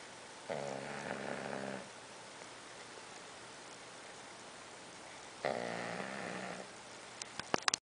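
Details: Six-month-old pug asleep, cuddling with another dog: two long, rattling, buzzy breaths separated by a quiet pause; snoring.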